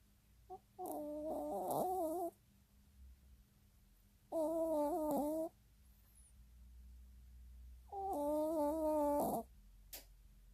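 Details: Three soft, tonal, whistling snores, about 17 a minute, over a low background hum; snoring during sleep.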